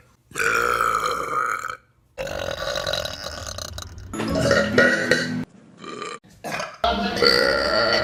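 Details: Compilation of burps taken from online videos: several long, loud, voiced belches in a row, separated by short pauses; repeated burping.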